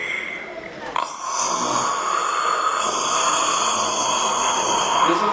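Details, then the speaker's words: Rough, rattling snoring played back in a large room with hum and background noise, during a sleep apnea talk by an ENT surgeon and a pulmonologist. Ordinary snoring. "Yes, it's snoring. It's the sound of snoring, and many of you have encountered this sound."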